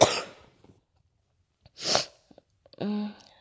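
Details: Two short, harsh coughs in a quiet room, followed by a brief voiced sound, from a person home sick with the flu and taking Theraflu; cough.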